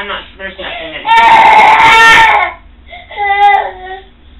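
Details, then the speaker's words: Infant (Wyatt) crying in two wailing bursts in a small quiet room as his first cochlear implant is switched on at a low, slowly increasing level; crying taken as a response to first-ever sound. "I mean it's sad that he's crying but I'm happy that there's a response"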